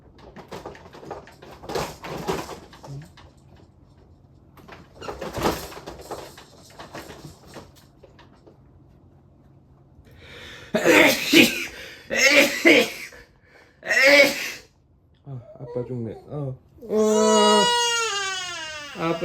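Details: Infant crying: several sharp adult sneezes from the father, then the baby's sudden loud wailing cry after the startle.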